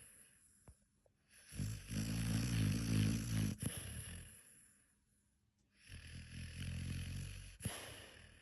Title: What dog snores like this⁉️🤣🤷🏾‍♂️if ur dog snores like this comment below👇#snoring #dog #explore